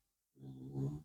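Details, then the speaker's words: A pet dog snoring while fast asleep, heard in the background. "I apologize in advance if you can hear something snoring. It's my dog Heidi who is fast asleep."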